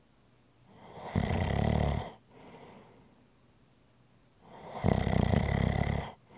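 Deep rattling snore on each breath in, followed by a softer breath out, roughly every 3.5 seconds; ordinary snoring.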